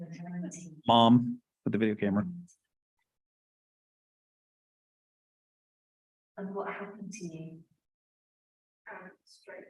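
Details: Expressive aphasia in a young woman after a stroke at age 19.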